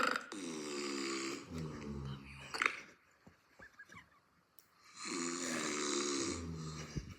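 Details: Father snoring during sleep: loud rough rumbling snores on two breaths, with a quiet gap and faint room sounds between; snoring.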